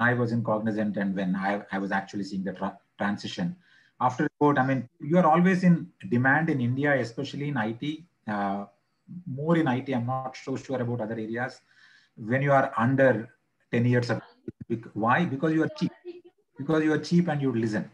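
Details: Male person who stammers, not fully recovered, reporting blocks on words, worse stuttering under pressure when presenting and difficulty with words starting with M or N: stuttering.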